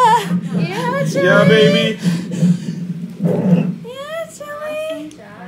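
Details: Newborn cry: short, rising cries from a baby boy right after delivery, who was born with the umbilical cord once around his neck and came out quite blue; adult voices and a steady low hum behind.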